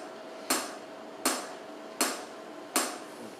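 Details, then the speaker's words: Extracorporeal shock wave lithotripsy in a 68-year-old man with three left renal pelvis stones causing pain and hematuria, stent placed, under anesthesia, treating the third stone: sharp, evenly spaced cracks about 80 a minute over room hum. "we're patients receiving shock waves to the stone and to the stones have already been blasted you can't see them very well we're on the third stone right now"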